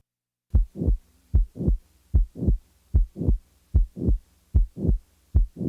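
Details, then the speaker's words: Simulated heart sounds at about 75 a minute: a high-frequency, blowing late systolic murmur extending to S2, best heard with the diaphragm at the apex, as in mitral valve prolapse; murmur added then removed. Finding: late systolic murmur. "The following example will display such a late systolic murmur. The murmur will be added and then removed from the cycle."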